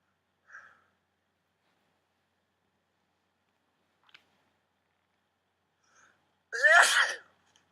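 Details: Sneezing fit with false starts: faint sharp inhalations and aborted sneeze attempts in a quiet room, then one full explosive sneeze.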